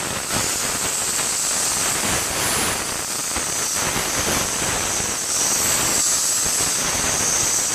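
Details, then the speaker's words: Dental air polisher removing tooth stain: continuous loud hissing spray of pressurised air and water with a sodium bicarbonate slurry, with a gritty edge. "the air polishing procedure it's prudent to use some lubricant on a patient's lips it protects them and also is a little bit more comfortable"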